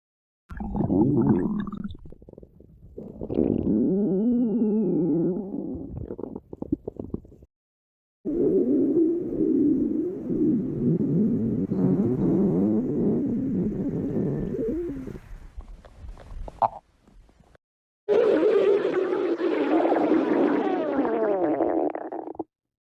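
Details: Long gurgling, rumbling stomach growls in several bursts: borborygmi, stomach growling.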